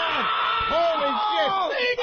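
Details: Adult male comedian with Tourette syndrome, asked on a radio show for a timed tic bit of 15 to 20 seconds, lets out a sudden loud burst of yelling, whooping vocal tic sounds.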